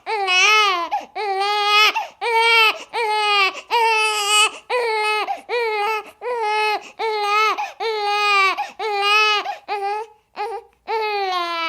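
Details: Sound effect recording of an infant crying in rhythmic, high-pitched bursts with brief pauses for breath between wails; infant crying.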